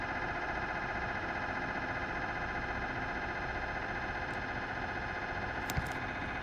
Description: Philips 1.5T MRI sounds filmed inside the scan room. Enjoy the rhythmic sounds of magnetic resonance imaging with this latest video request.